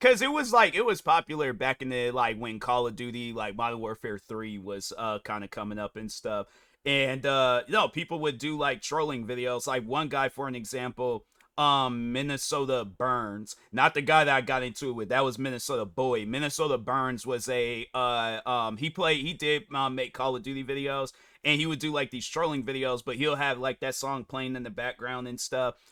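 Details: Adult male speaker; normal speech.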